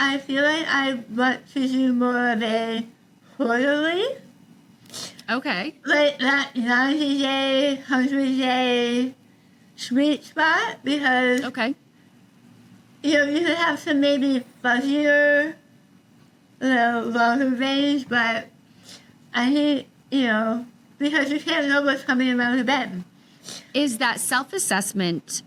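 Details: Adult woman about 3 years after treatment for stage 4 tongue cancer: over half of tongue removed and rebuilt with forearm skin graft, neck dissection, 6 weeks radiation and chemotherapy; some listeners cannot understand her; altered articulation after partial glossectomy.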